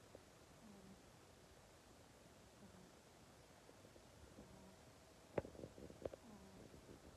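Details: A sleeping Persian cat snoring: faint, low rumbling snores recur about every two seconds, roughly 30 breaths a minute, with a couple of soft clicks.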